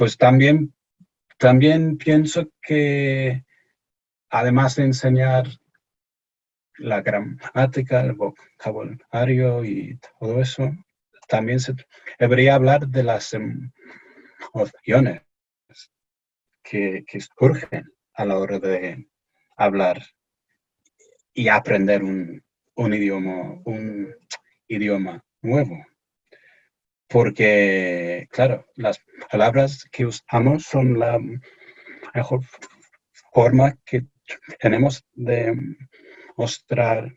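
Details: Stuttering in an adult male researcher from England speaking Spanish as a foreign language in an interview; he says he is a little nervous, which may affect his speech.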